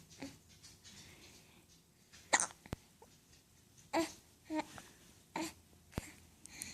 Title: Conversations with the Hiccup Baby